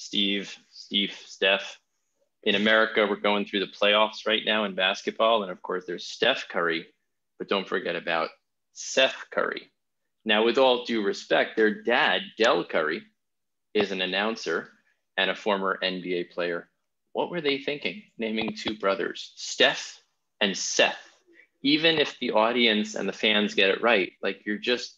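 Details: Adult male speaker; normal fluent speech.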